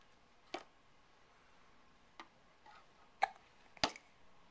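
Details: Hiccups recorded with a Flip Video camcorder: four short, sharp hiccup clicks at uneven intervals over a faint room hiss.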